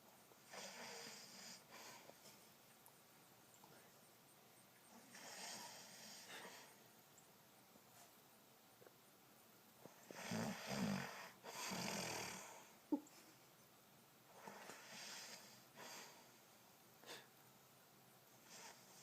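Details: Light snoring during sleep: soft, breathy snores with a few snorts, roughly every two to three seconds, from a person who denies snoring.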